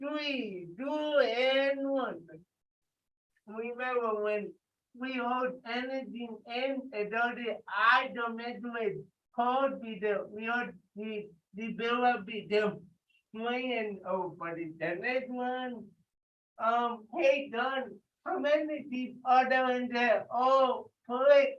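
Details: Adult with cerebral palsy leading warm-up exercises; listeners report difficulty understanding him; dysarthria associated with cerebral palsy.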